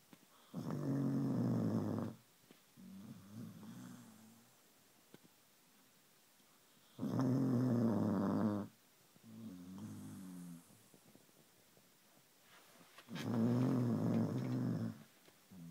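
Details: Sleeping dog in a quiet room: loud rumbling snores on each breath in, softer fluttering breaths out, about 10 breaths per minute; snoring.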